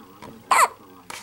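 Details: Infant boy with morning hiccups, May 2010: short, abrupt voiced catches of breath about half a second apart, with quiet household sounds around them.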